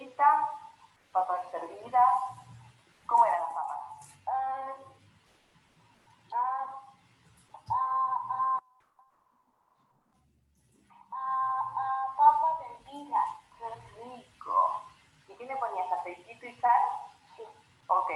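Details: Child with developmental stuttering (dysfemia) who uses marked force in each disfluency; the clip is an excerpt cut from a longer recording; stuttering with effortful blocks.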